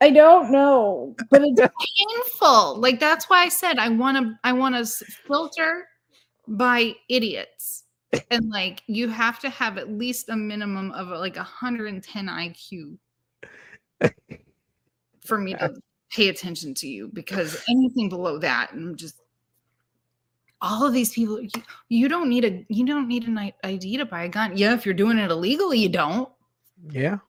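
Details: Adult speaker, possibly with a second voice in conversation; ordinary speech.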